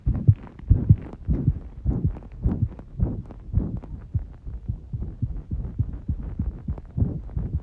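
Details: Heart sounds recorded under pressure, muffled rapid rhythmic thumping at about 100 to 110 beats a minute: tachycardia.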